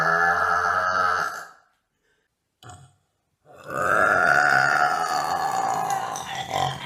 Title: burping